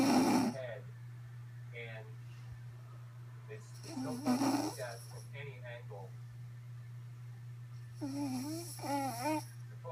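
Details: Rough, fluttering snores recurring every few seconds, about 14 a minute, over a steady low electrical hum: ordinary snoring during sleep.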